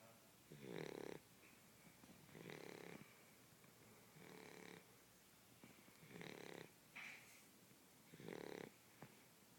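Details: Small male blue shar pei snoring while asleep: regular rattling snores about every two seconds, about 30 breaths a minute, in a quiet room.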